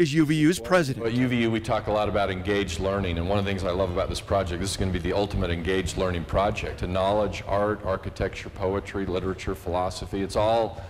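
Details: Adult man speaking; normal fluent speech.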